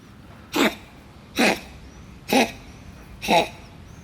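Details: Black cat coughing: four short, dry, hacking coughs, roughly evenly spaced about a second apart.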